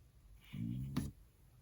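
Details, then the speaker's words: In a quiet room, a hungry person just before lunch makes a brief, low, tonal rumbling gurgle of about half a second ending in a short squeak; hunger stomach growling (borborygmi). "oh my i'm hungry i'm editing and just now realized how much that sounded like a fart that was not a fart that was my stomach growling i was in fact hungry"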